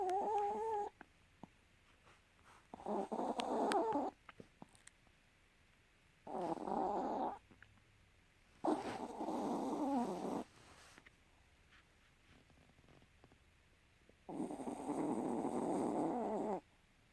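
Four to five rough, buzzing snores, one to two seconds each, several seconds apart, in a quiet room; snoring during sleep.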